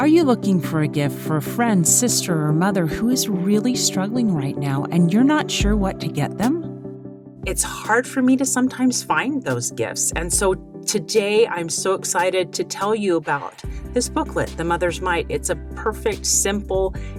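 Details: Adult woman speaking; typical speech.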